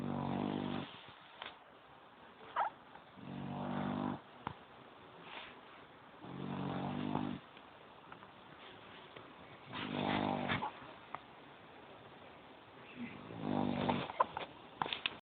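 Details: Sleeping pit bull dog snoring: slow, regular rumbling snores, about five breaths in fifteen seconds, with quiet pauses between them.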